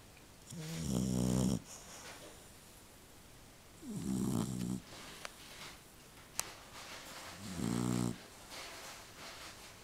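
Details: A sleeping dog snoring: three loud, rattling snores on the in-breath about every three seconds, roughly 20 breaths a minute, with quiet out-breaths.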